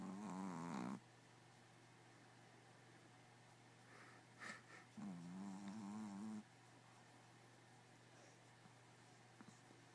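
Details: Dog: two drawn-out, wavering, humming snores with a quiet gap between, over steady low room hum; snoring.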